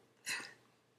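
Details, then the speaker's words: A sleeping, swaddled newborn boy gives a single brief, soft burp, a normal release of swallowed air. "you hear that? He burped."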